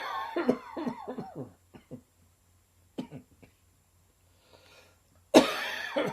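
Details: An adult's sudden summer cough: repeated short, harsh coughs in bursts, a dry cough with little sign of mucus, which became slightly wetter towards the end.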